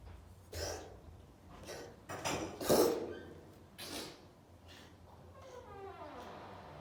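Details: Cat coughing: a series of about five short, harsh hacking bursts, then a brief faint squeaky sound.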